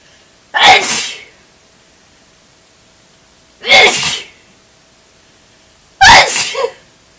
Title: Awesome spray sneeze #sneezy #sneezingchallenge ze